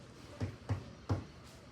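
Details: Resonant percussion note over the chest in a medical practice class, contrasted with the dull note over the liver; resonant percussion.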